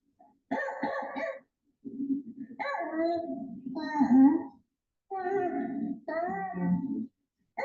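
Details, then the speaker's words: Croup in a young girl in the emergency room with visible respiratory distress and retractions: harsh, seal-like barking coughs with noisy, high-pitched inspiratory stridor in between. "When you hear CRO, the noise almost doesn't sound human. It sounds like it's coming from an animal. Like I said, like a seal or some"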